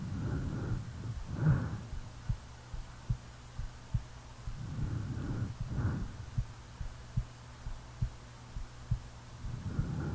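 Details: Real recording of a sleeping person: steady, regular low heart thumps about 70 a minute with loud snoring breaths between; normal resting heartbeat.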